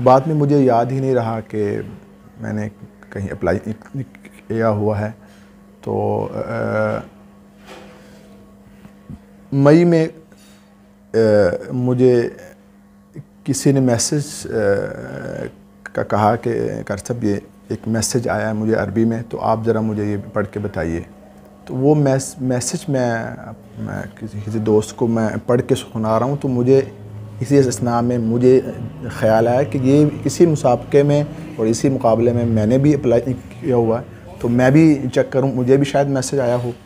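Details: Adult male imam, Urdu speaker, with a stammer since about age 12 that began while memorizing the Quran; treated by various doctors; sound repetitions and pauses before a word: stuttering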